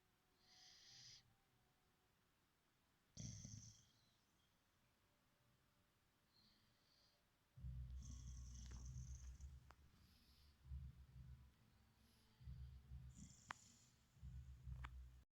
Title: Boxer dog Borys funny sleeps and snoring. Pies bokser zabawnie śpi i chrapie. PART 1